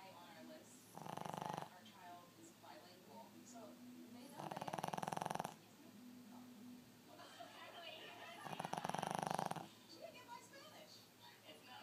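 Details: Dog snoring (owner jokes he sounds like a piglet): three rough, rattling snores about every four seconds, roughly 15 per minute, with faint room noise between.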